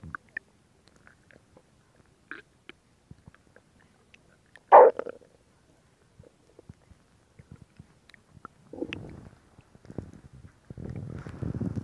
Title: Stomach Sound [Stomach Growling][ASMR] [2022-07-14]